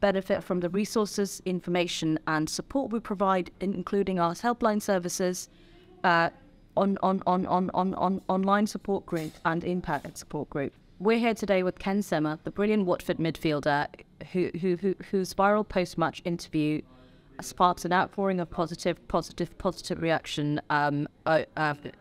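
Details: Adult female speaker; no speech disorder.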